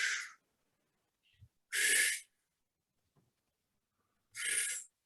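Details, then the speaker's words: Lecturer vocally imitating bronchial (tubular) breathing heard in pneumonia, contrasted with his normal breathing: loud, harsh, hollow blowing noises with clear gaps between them. Bronchial breath sounds. "Eso es un soplo tubárico. Ya a esta altura están en condiciones de diagnosticar, igual que M, igual que yo, una neumonía a un paciente."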